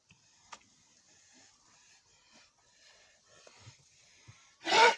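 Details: Cow with viral pneumonia (bovine respiratory disease complex); quiet barn background, then one sudden harsh dry cough burst at the end.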